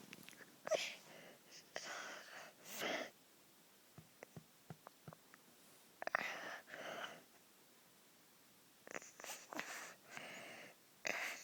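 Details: Asleep child, third night of croup, already given dexamethasone and prednisolone, adrenaline nebuliser soon after; harsh high-pitched inspiratory breaths with breath holding or shallow breathing between them, audio only: severe inspiratory stridor.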